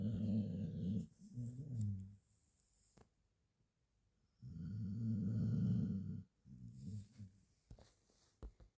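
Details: Sleeping Border Collie dog snoring: two loud, rumbling snores, each followed by a softer fluttering one, in a quiet room.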